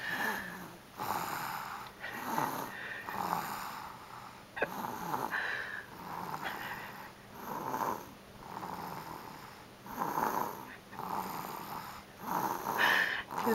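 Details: Girl in a deep sleep after a good meal, snoring: regular, rattling snores rising and falling with each breath, some with a softer second snort, repeating steadily.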